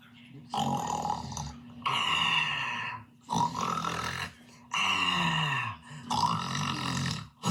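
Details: Five loud, drawn-out, voiced burp-like bursts in quick succession, each about a second, in a small room; burping.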